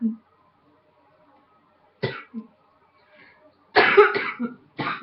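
A brief cough, then a cluster of sharp coughs and throat sounds after a pause, in a quiet room. Repeated coughing.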